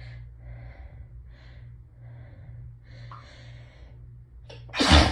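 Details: Hayfever (allergic rhinitis) sneezing after a day of building symptoms, with the nose raw from rubbing: several hitching, breathy in-breaths build up, then one sudden loud sneeze.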